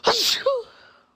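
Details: Young Black woman on camera during a sneezing fit, with a single forceful sneeze: a sharp burst of air followed by a voiced trailing sound.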